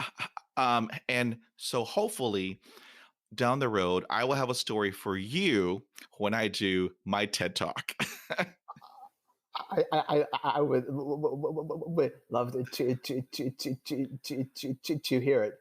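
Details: Adult man who stutters, speaking conversationally in a podcast interview about stuttering; stuttering.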